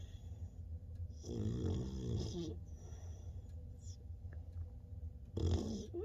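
Two loud rattling, rumbling breaths over low steady background noise, typical of a sleeping puppy snoring.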